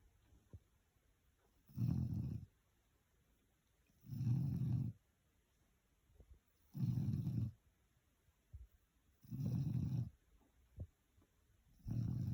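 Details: Boerboel puppy asleep: regular low rumbling snores about every two and a half seconds, five in the clip; steady snoring.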